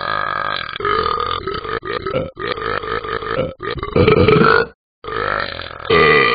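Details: Talking Ben the Dog app cartoon sound effect: long, loud, rumbling voiced belches drawn out over several seconds with a brief pause; burping.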